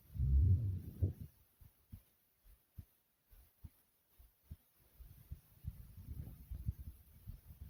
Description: listen as my heart beats so thumpy and slowly.